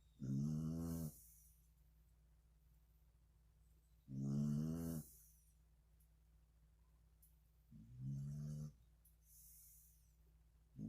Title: Georgia Girl Snoring April 2020